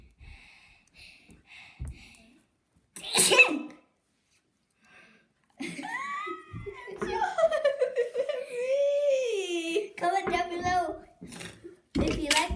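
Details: A child gives a sharp sneeze burst, then a drawn-out squealing vocal sound and giggling, ending with another short sneeze, with music in the background; an unusual-sounding but ordinary sneeze.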